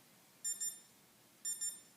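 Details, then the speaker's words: Fingertip pulse oximeter with an alarm during an SpO2 demonstration, reading 95% and heart rate 50 as the patient takes deep breaths: two pairs of short high electronic beeps about a second apart; normal pulse oximeter alert. "you'll get a reading almost immediately and this one has an alarm and I'm just going to just show the camera it's showing me right now 95 and a heart rate of 50"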